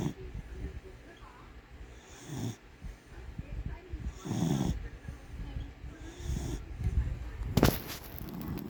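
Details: Snoring in sleep: low, rough snoring sounds recurring every couple of seconds, with soft snorts and room noise in between.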